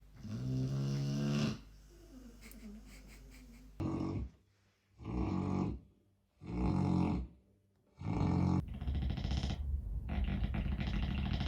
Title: It sounds like this place is in renovation😂 #snoringdogs #funny #doglover #dog #fyp